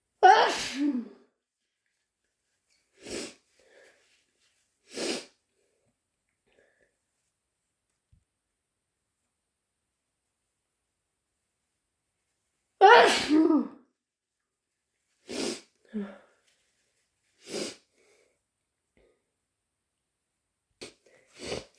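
Two bouts of loud, wet, explosive sneezes, each followed by a few shorter sniffs or sneezes, in a quiet room.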